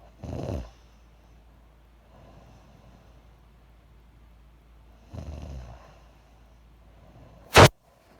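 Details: Self-recorded snoring, noted only as "30 weeks": two rough snoring breaths about five seconds apart in a quiet room, then a brief sharp noise.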